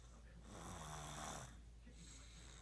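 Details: A single soft, buzzing snore on a breath, heard over steady hiss.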